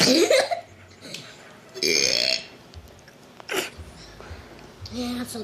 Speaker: Man, I'm burping. It's so loud.